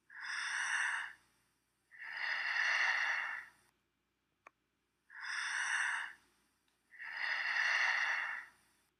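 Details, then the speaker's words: Imitated slow breathing by an adult in a physical therapy teaching video, each breath followed by a pause, about 12 or fewer a minute; bradypnea is a breathing rate under 12 a minute. Bradypnea. "braidia is a low respiratory rate Under 12 breaths per minute and can be triggered by a neurologic issue electrolyte imbalance or infection"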